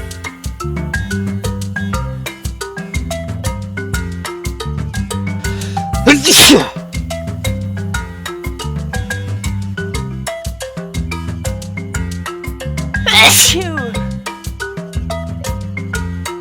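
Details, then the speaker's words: Male subject: two loud, sharp sneezes about seven seconds apart over added marimba-style music in an edited clip; sneezing. "so this happened when he sneezes and this happens when i"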